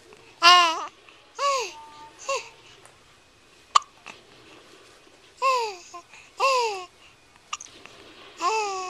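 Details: Infant girl babbling and squealing, broken by short, sharp, abrupt catches of breath every few seconds; hiccups.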